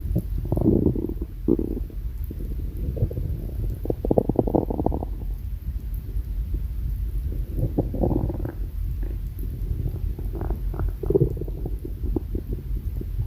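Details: Stomach growling: low, continuous rumbling and gurgling bowel sounds (borborygmi) over heavy background noise.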